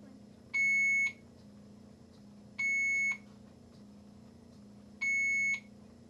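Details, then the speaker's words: Three steady electronic beeps, each about half a second, repeating every two and a half seconds over quiet room hum in an intensive care unit, where many alarms are only reminders, such as a finished infusion; ICU alarm beeping. "Fear not, many of the alarms you hear are only reminders."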